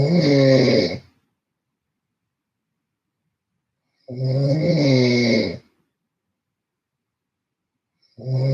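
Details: Loud, rough, low rattling snores on each breath in, about every four seconds, with silent pauses between; snoring during sleep.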